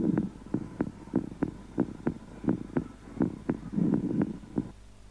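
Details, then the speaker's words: Heart and lung sounds recorded with a prototype digital stethoscope after band-pass filtering to reduce noise: regular paired heart thumps, about 90 beats a minute, over a low hum. "this recording is an output from the filter circuit that show that the noise has been reduced and only allow the heartbeat and lungs sound"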